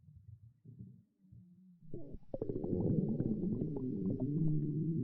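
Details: A girl's stomach growling: low gurgling rumbles building to a long, continuous bubbling growl; normal borborygmi from gut movement.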